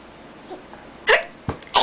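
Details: Child deliberately faking hiccups with two or three short, abrupt voiced gulps in a quiet room.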